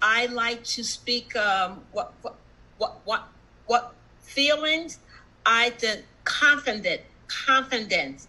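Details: Adult woman, stroke survivor with aphasia for about one and a half years, showing word-finding difficulty and repetitions: aphasia with word-finding difficulty.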